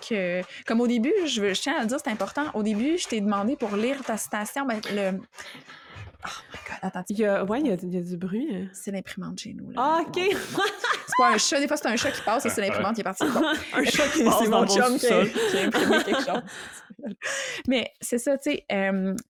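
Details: Adult woman speaking French; fluent speech.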